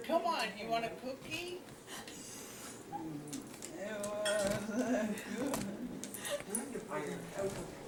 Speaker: the idea that you can take someone's voice just spend a few minutes maybe 20 minutes of someone reading a series of sentences and from that perspective you can give someone a voice back once they've lost and here's an example from technology developed at Boston Children's to give voice back to an als patient